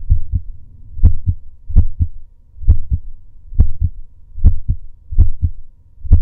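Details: Male's own heartbeat during breath holds: steady paired lub-dub heart sounds at about 65 beats a minute, no extra noises between beats; normal heartbeat.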